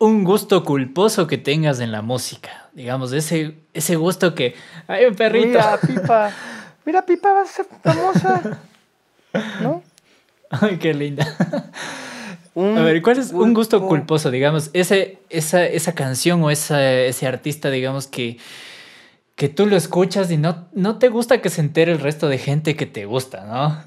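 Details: Adult male speaker in conversation; ordinary speech.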